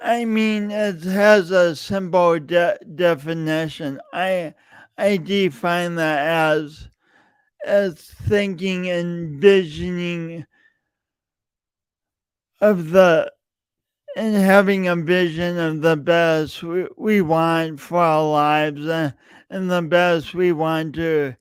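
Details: Real, self-reported speech impediment in an adult male, present for years and heard whenever he speaks; stuttering (speech disfluency).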